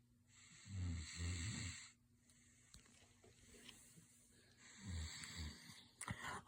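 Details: Sleeping dog snoring: two rattling, fluttering snores, each followed by a whistling breath out, about ten breaths a minute.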